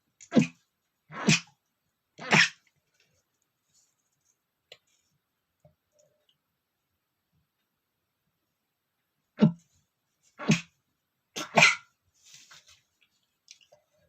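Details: Adult male stifling sneezes: six short, muffled sneezes in two bursts of three, each held back so only a brief sharp puff escapes.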